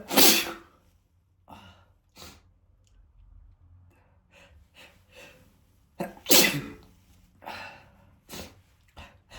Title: spray sneezes (M)